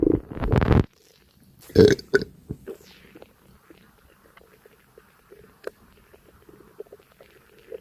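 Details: Person after a light breakfast: a loud low burp, then gurgles and soft bubbling pops of stomach and bowel activity during digestion; stomach rumbling.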